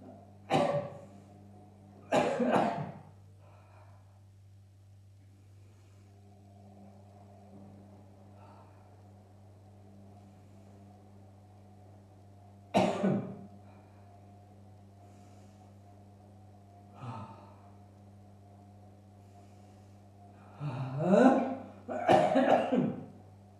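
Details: Dry cough from an adult recovering from COVID-19, still with shortness of breath and dry cough after the 23rd day of symptoms, during basic physical exercises. Several short, dry cough bursts, single and in pairs, over a steady hum.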